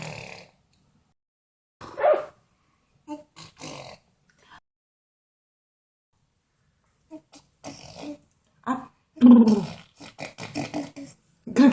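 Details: Scattered rough, snorting throat sounds separated by pauses from an 11-month-old baby imitating the father's snoring.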